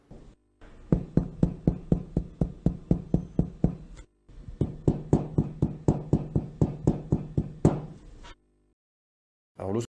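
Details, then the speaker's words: Chest percussion in respiratory examination teaching: repeated short, flat, thudding taps, a dull note as over pleural fluid or consolidated lung parenchyma; dull percussion note. "et puis il si tu es là cette fois du liquide s'interpose dans la plèvre ou alors vous avez un parent chine pulmonaire condensé en dessous et quand vous tapez dessus vous avez une matinée"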